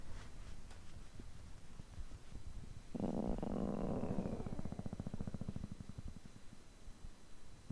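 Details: Stomach growling recorded on a day of overeating, when the stomach reportedly groans for over three hours: a low gurgling rumble swells mid-clip into a rapid fluttering growl, then fades; borborygmi.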